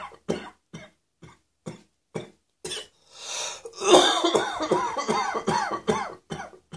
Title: Cross Dressing Coughing 58